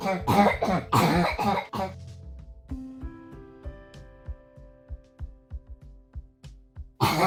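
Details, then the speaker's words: Habit cough (somatic cough syndrome) in a child: quick clusters of loud, harsh, repetitive barking coughs with music between; this cough is diagnostically absent once the child is asleep. "the repetitive barking cough that is not present once the child is asleep is the diagnostic criteria"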